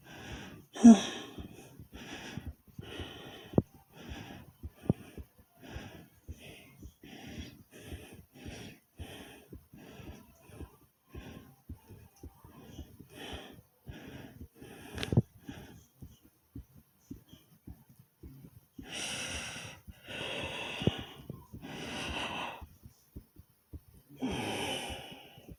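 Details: Person's own racing heartbeat and heavy breathing: rapid, short, noisy breaths give way to slower, deeper, forceful breaths.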